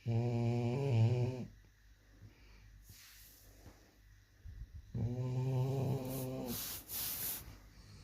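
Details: Two loud, buzzing, low snores about five seconds apart, with quieter breath noise between them: snoring.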